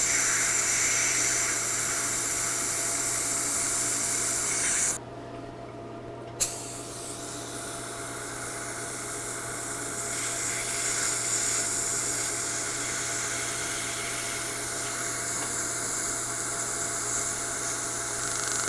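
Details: Erbium:YAG hard tissue dental laser removing an e.max lithium disilicate veneer on the left central incisor with water spray: rapid crackling pulses over a steady hiss, brief pause.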